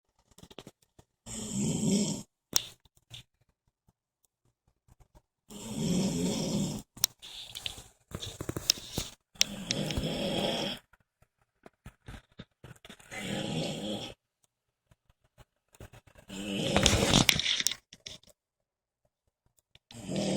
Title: Horror snoring